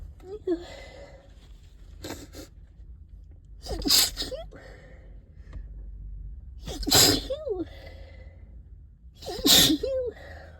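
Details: Person stuffed up all day with nasal congestion, recorded in a closet with thuds: three sharp, explosive sneezes with wet, congested breathing between, about one every three seconds; sneezing.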